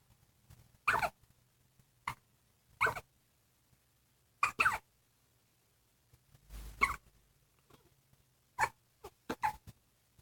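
Brief sharp bursts recur irregularly, some in quick pairs, fitting hiccups rather than sneezes.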